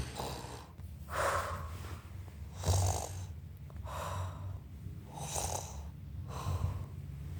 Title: 6️⃣7️⃣Is Snoring Like Papa🤭🤣👆